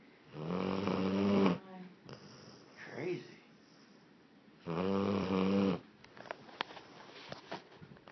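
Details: Blue Lacy dog snoring heavily in sleep: loud, rattling snores on two breaths about four seconds apart, softer breath between.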